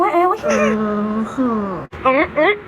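High, wavering crying wails with brief pauses for breath; a young infant's cry.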